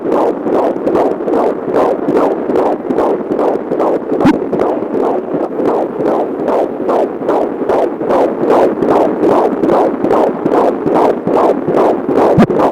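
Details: Fetal heartbeat on Doppler: rapid, regular whooshing, galloping pulses at about 146 per minute.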